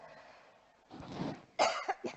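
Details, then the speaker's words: Adult speaker who says they caught a really bad flu in Bali and will cough throughout: cough. "you need to know that I almost cancelled the meeting because unfortunately I was on Bali and I caught a flu and it was a really bad flu and you will hear in my voice and you will hear that I'm going to cough all the times."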